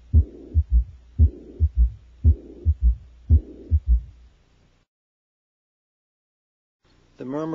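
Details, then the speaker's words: Pediatric mitral regurgitation at the apex: high-pitched blowing holosystolic murmur with a third heart sound, heartbeat near 57 a minute; a mid-diastolic murmur is also audible. "the murmur of mital regurgitation is loudest at the Apex is audible throughout syy is often accompanied by a third heart sound and is high pitched and blowing listen now to a third heart sound and the murmur of mitro regurgitation"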